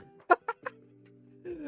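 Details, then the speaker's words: Three sharp, brief voiced hiccups in quick succession from a person during a live stream, over soft steady background music: hiccups. "Having hiccups is a pain. Unfortunately, they come to much for me to just mute every time."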